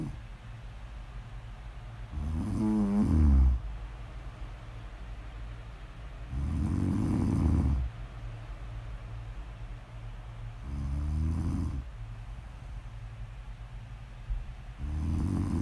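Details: Snore audio ASMR recording of a sleeping person: regular low, fluttering snores on each breath in, about 15 a minute, with quiet pauses between; steady sleep snoring.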